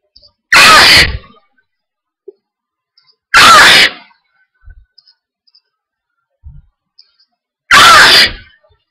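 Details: Loud, explosive sneezes, three spaced a few seconds apart in a quiet room; repeated sneezing from hay fever, with attacks on sunny days.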